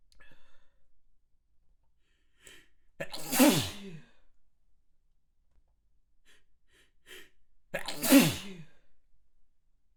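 Two forceful wet sneezes, each preceded by gasping inhalations, about five seconds apart.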